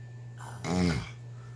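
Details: Man asleep: a single loud, vibrating, snort-like snore on one breath over a steady low hum; snoring.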